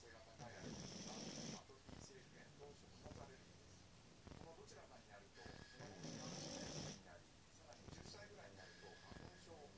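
Two loud rattling snores on breathing in, about five seconds apart, with quieter breathing and room noise between them.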